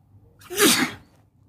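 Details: A single sharp, explosive sneeze with a hissing rush of air, then quiet, while sitting on a bed; sneeze.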